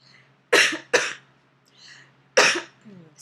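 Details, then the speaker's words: Pregnant woman with POTS, recovering from illness and finishing antibiotics, setting up a Holter heart monitor: three loose, moderately forceful coughs, two close together, one after a pause, over a low room hum; she still has a cough. "me yeah I still have a cough"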